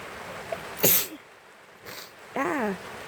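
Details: A person's sneeze recorded over the sound of rain.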